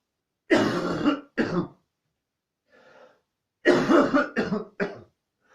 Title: Coughing fit (&)